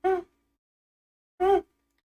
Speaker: What is the difference between rhonchi and creps? Rhonchi jo hota hai na, you get to hear like this.